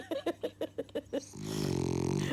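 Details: Sleeping French Bulldog with half-open eyes, whose owner complains about the noise: a quick series of short snorting puffs, then a long, buzzing, rattling inhaled snore; noisy flat-faced dog snoring.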